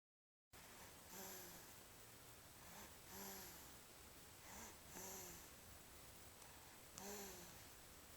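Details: Child snoring while sleeping on father: soft, slightly whistling snoring with each breath, about 30 breaths a minute, over steady background hiss.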